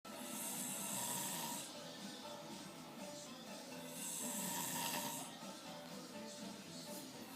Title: How to wake up someone that's snoring Zzzz...very carefully